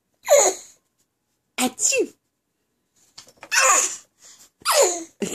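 Several short, hissing 'choo'-like bursts from a young child, a playful imitation of sneezing rather than real sneezes.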